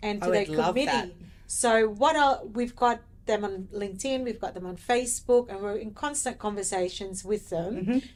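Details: Adult woman speaking; typical speech.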